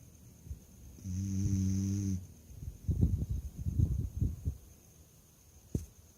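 A deep, buzzing snore, then a run of snuffling, snorting breath noises: a dog snoring in sleep.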